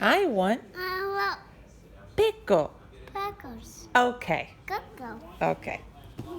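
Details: 3-year-old boy with childhood apraxia of speech, practising the word "pickle," which he says so it sounds like "coco"; speech-motor misfires while learning the word; childhood apraxia of speech.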